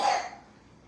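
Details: A single short, harsh cough from a sick child, fading quickly into a quiet room; the children are sick with a bad cough; acute cough.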